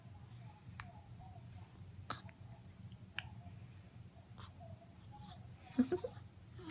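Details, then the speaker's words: Newborn, awake in the morning, with hiccups: soft, brief, sharp catches recurring about every second over quiet room hum. "You have the hiccups. You used to get the hiccups in Mommy's tummy all the time. Stinking old hiccups."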